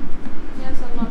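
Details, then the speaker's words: Fetal heartbeat on Doppler/CTG cables during induced labour, also monitoring contractions: rapid, muffled whooshing pulses whose rhythm changes as the baby keeps moving. "That sound that you're hearing is our baby's heartbeat."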